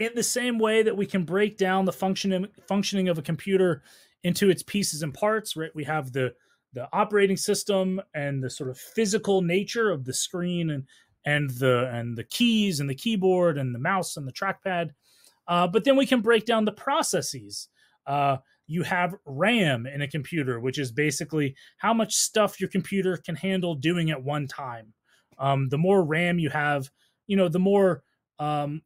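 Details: Adult speaker; normal speech.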